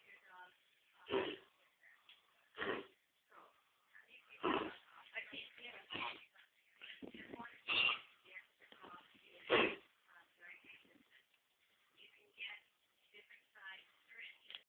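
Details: A mixed pit bull dog gives repeated harsh, hacking cough bursts with quieter rasping between them; owner thinks it has kennel cough.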